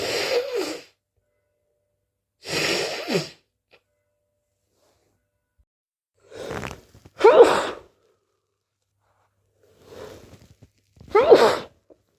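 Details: A series of wet, messy, forceful sneezes with catching in-breaths, teasing false starts and itchy fits, possibly from hay fever (uncertain); sneezing.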